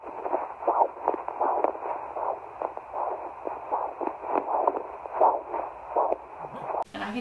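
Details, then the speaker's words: Fetal heartbeat at about 10 weeks of pregnancy, heard at home with a borrowed handheld Doppler: fast, rhythmic whooshing pulses. "And I could hear the heartbeat on the Doppler, I could find it."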